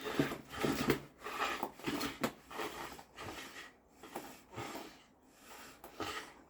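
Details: 4-year-old Australian Kelpie with epilepsy, about five seizures since January and not yet on medication, found seizing on a bed: irregular loud snorting breaths, about 100 a minute, fading over several seconds while the owner comforts him.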